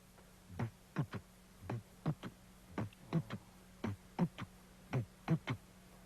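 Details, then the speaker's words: Drum imitation of an irregular heartbeat, described as the body adjusting to balance itself, from either the heart or the brain: grouped soft thumps in an uneven rhythm, about 55 groups a minute. "But sometimes when the body is trying to make a kind of adjustment to balance itself, it may change to a sound like this. Or it may sound like this."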